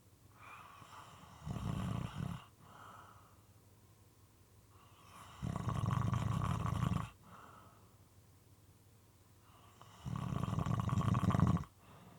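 Loud, moist, rattling snores about every four to five seconds, slightly uneven in timing, with quieter breaths between.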